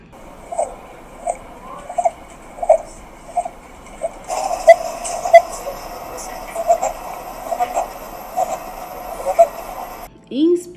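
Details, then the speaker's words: Infant with laryngomalacia: a short, high, squeaky noise on each breath in, inspiratory laryngeal stridor caused by turbulent airflow through a narrowed larynx. "então a laringomalácia é isso e ela vai gerar esse estridor esse barulho quando a criança vai inspirar"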